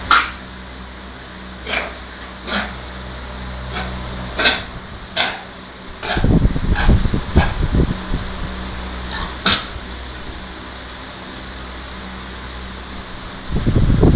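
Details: Dog with an allergic cough lasting 3 months, looking as if about to vomit: run of short, harsh hacking coughs with retching-like strain, allergic cough.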